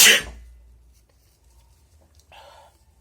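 A single sharp, loud sneeze burst at the start, then quiet with a faint breath or sniff; an ordinary sneeze.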